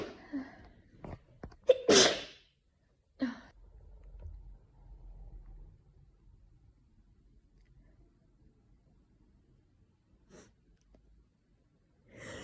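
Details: Adult in London with an itchy nose all afternoon, possibly hay fever from tree pollen or a coming cold, gives a loud explosive sneeze after a sharp intake, then a quieter sneeze and soft breathing in a quiet room.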